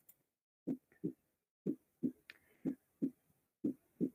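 Steady paired lub-dub thumps at about 60 beats a minute, with a brief faint tone once in the background: normal first and second heart sounds.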